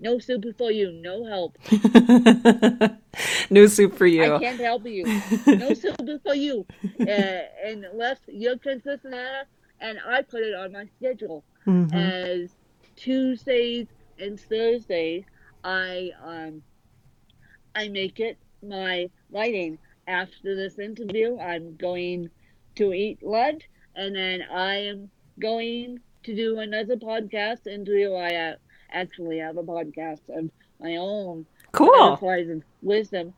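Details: Real dysarthria in an adult woman with cerebral palsy present from birth that affects both sides of her body; dysarthria (cerebral palsy).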